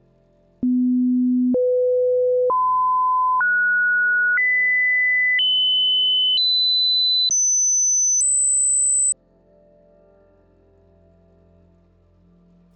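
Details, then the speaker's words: Pure-tone audiometry test tones from 250 to 8,000 Hz, the speech frequencies: nine steady pure beeps, each about a second long, stepping upward in pitch from low to very high, over a faint low background hum. "and again as we go down the beep gets louder and these are called pure tones and the reason we test 250 to 8,000 is because those are all the frequencies in speech"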